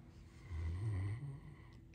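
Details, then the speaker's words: Great Dane napping on a sofa, snoring while dreaming and wiggling nose and toes: a single deep, rumbling snore on one breath. "that a nice snore? It's a very pretty snore. This is the snore cam."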